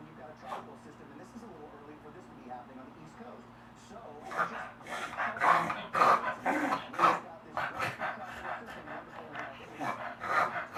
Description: My beagle Kato having one of his longer reverse sneezing episodes.